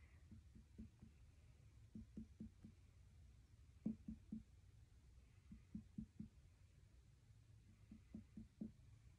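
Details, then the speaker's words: Tympanic percussion note over the gastric air bubble, from finger percussion of the abdomen during an assessment with normal findings: quiet groups of sharp taps with a hollow, drum-like ring in a quiet room. "Next, I am going to percuss your stomach, just listen to what it sounds like."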